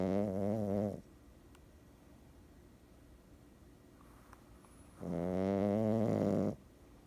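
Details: Two long, buzzing, vibrating breaths separated by a quiet pause, from a Boston Terrier puppy that also grinds its teeth; snoring.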